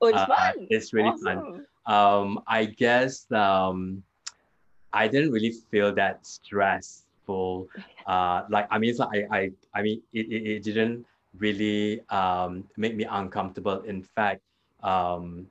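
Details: Post-stroke aphasia in an adult man two years after a haemorrhagic stroke; initially severe, unable to talk at all in the first week. Residual word-finding difficulty with seldom-used words.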